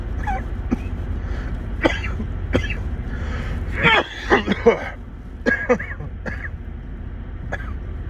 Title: Just Felt Like Coughing